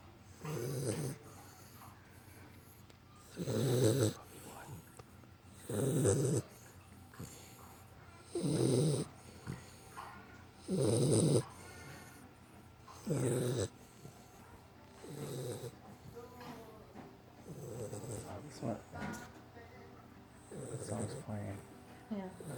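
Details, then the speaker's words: A nearly 13-week-old female pit bull puppy, exhausted after vaccinations and microchipping, snores in regular low, rattling bursts roughly every two to three seconds while asleep: snoring. "We just got back from shots. She got a chip, and she can't see straight. She's so tired. And snoring."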